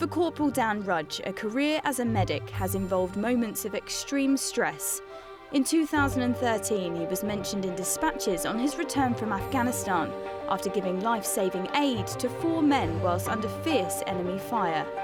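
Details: Adult narrator voice; normal fluent speech.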